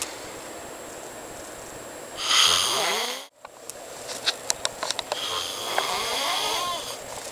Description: I video taped my friend snoring in his sleep its so loud and hilarious!!